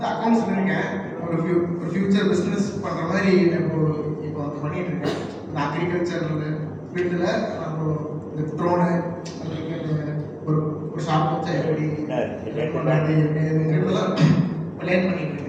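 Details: Man speaking Tamil as a participant in a stage-fear exercise at a stammering workshop in Madurai, April 2025; stuttering.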